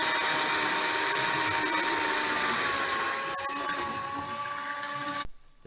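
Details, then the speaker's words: Surgical drill boring through both bone cortices for plate-and-screw fixation during open reduction internal fixation of a fracture: steady high motor whine shifting pitch as resistance gives way twice, then cutting off abruptly. "the drill was then inserted and used to drill a hole through both cortices the surgeon will feel the resistance against the drill give way twice this is how they know they have drilled through both cortices"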